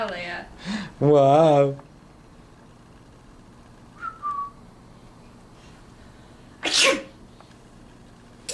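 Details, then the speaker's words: A single sharp, explosive burst of air after brief vocal sounds and a whistle-like tone; one sneeze. "there's the sneeze wow"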